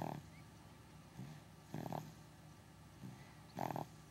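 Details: Short, soft snorting snores recurring against room noise from a dog named Henry, who snores from time to time during naps; snoring.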